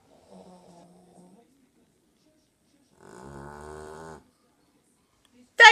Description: Our dog daisy is so loud when she snores lol